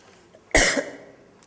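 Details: Woman coughing during a public speech, then drinking water that turns out to be sparkling; cough.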